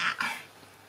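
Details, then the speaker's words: Two quick, sharp coughs in close succession from a sick 40-year-old woman who had a coughing fit lasting over half an hour overnight, fading into room quiet: a brief cough. "Réveillée à 2h30 du matin par une grosse quinte de toux qui a duré plus d'une demi-heure."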